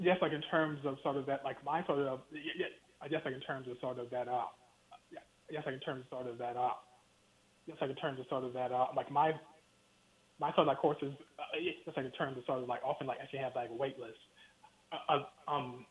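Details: Stuttering in an adult man with a lifelong stutter he has worked to overcome.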